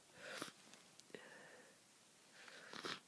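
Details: Person ill with a bad head cold for over a week, stuffy and congested: a quiet intake, then a sharp hissing burst and a second similar burst; sneezing.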